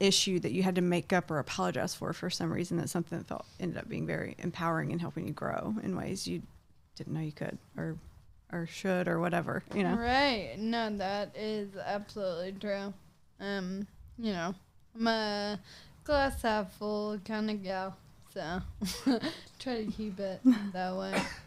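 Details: 26-year-old woman with Friedreich's ataxia, a progressive genetic nervous system disease affecting her coordination and walking; ataxic dysarthria.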